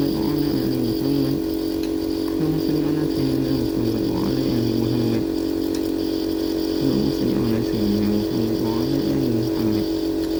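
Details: Loud constant motor buzz of a nebulizer compressor during a child's nebulizer treatment for cough, with the child's voice faintly heard over the machine noise.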